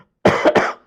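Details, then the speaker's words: An adult coughing intermittently while giving a speech, noting his strained throat. "నా గొంతు చూస్తురు మధ్య మధ్యలో దగ్గుకుంటేనే ఎట్లా మాట్లాడుతున్నా మీరు చూస్తున్నారు"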